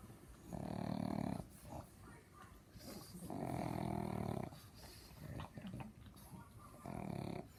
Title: Just a snoring pug